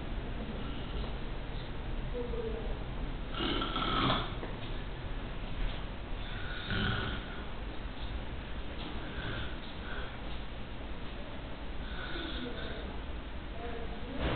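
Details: Elderly woman sleeping in a neurosurgery ward of a general hospital, with faint, low, rough breathing noises rising every few seconds through steady room hiss: soft snoring.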